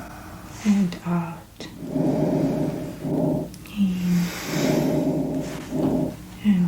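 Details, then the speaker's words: Simulated roleplay exam, real person: stethoscope over chest during deep breaths in and out, slow soft breaths, no wheezing, normal vesicular breath sounds; non-smoker presenting with shortness of breath and chest tightness for lung function testing. "okay no wheezing all normal sounds coming from your lungs"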